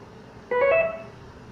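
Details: Sound-effect recording of an infusion pump (IV fluid controller) alert tone: a brief two-note electronic chime.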